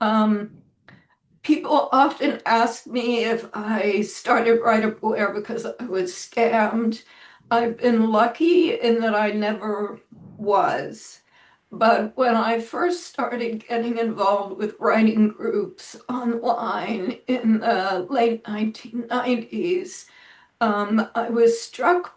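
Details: Spasmodic dysphonia in an adult woman; it varies day to day, and she reports this is not a particularly good day.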